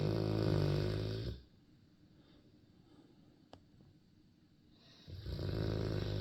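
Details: Dog (Turner) snoring: loud, low rattling rumble, pause of several seconds mid-breath, then snoring resumes; ordinary snoring.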